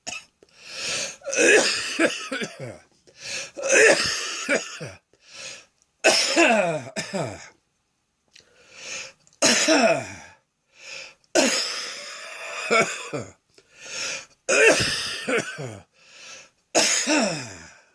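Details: Afternoon cough with wheezing: repeated bouts of harsh coughing in clusters, with high whistling tones running through several coughs. The chest sounds congested.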